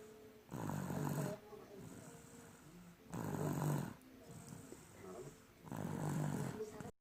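Three loud, rumbling snores on the in-breaths, about every three seconds, with quieter breathing out between them.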